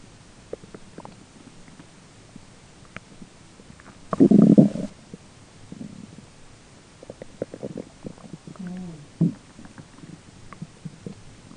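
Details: Irregular gurgles and a louder rumbling burst of stomach growling during digestion, a normal finding, with a roommate talking faintly in the background.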